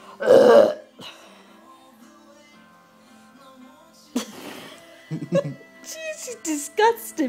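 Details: A loud, drawn-out burp, then quiet and baby girl babbling with soft music in the background; an ordinary belch, which she reportedly hates.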